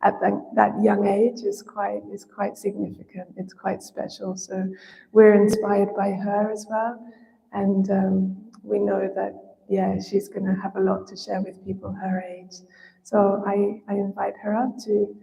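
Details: Adult woman speaking; normal voice.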